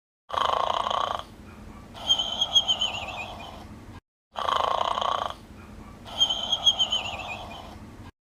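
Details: Loud rattling snores in two repeated cycles, each a harsh inhaled burst followed by gurgling flutter, about 15 a minute, from a clip taken from a cartoon episode; snoring.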